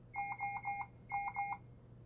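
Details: CPAP unit during calibration and settings setup: two bursts of rapid electronic beeps, the alarm tone played while alarm volume is being adjusted; ventilator alarm tone.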